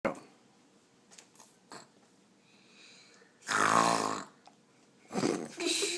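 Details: Imitation snoring by a young girl copying her father's snore: one voiced, rattly snort-like snore, deliberate fake snoring, with faint room sounds and a second brief noisy burst.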